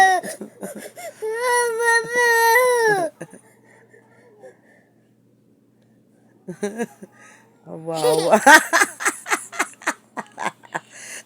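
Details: Baby crying after losing its pacifier: long wailing bursts with sobbing breaths between, then resumes crying; adults faintly talking nearby.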